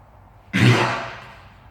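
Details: Horse gives a single abrupt, harsh burst of air fading in under a second; cough.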